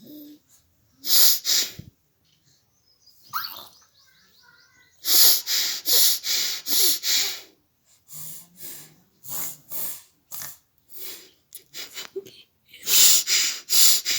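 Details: Repeated sneezing during the summer season: runs of sharp, hissing sneezes in quick clusters, with brief pauses and sniffs between them.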